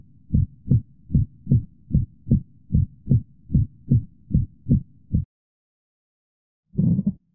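Regular heartbeat near 75 a minute with an early ejection click and a midsystolic murmur, typical of aortic stenosis.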